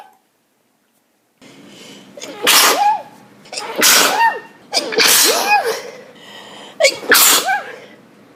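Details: Four forceful sneezes in quick succession, each with a sharp inward catch before the burst, from a person off antihistamines awaiting an allergy test next week: a sneezing fit during an afternoon of repeated sneezing.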